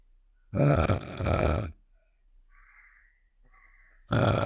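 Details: Snoring sound effect of the cartoon character Star from Save The Shapes (simulated): two loud, low, rumbling snore-like breaths with a quiet pause between them.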